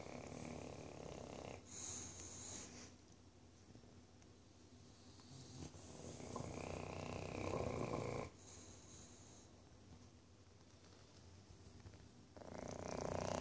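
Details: Tricoloured male English Bulldog snoring during an evening nap: loud, rattling snores with whistling, snorting breaths, about four to five breaths a minute; flat-faced dog's noisy sleep breathing.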